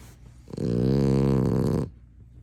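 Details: Chocolate French Bulldog snoring: one deep, growling, rumbling snore lasting over a second, loud and low-pitched.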